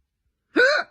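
After a brief silence, one abrupt voiced hiccup rises in pitch, consistent with ongoing hiccups.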